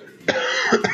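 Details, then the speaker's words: Person who says they are a bit ill with a hoarse voice: a short voiced cough with a throat-clearing quality, followed by two brief cough bursts. "Excusez-moi, je suis un peu malade, donc j'ai la voix cassée."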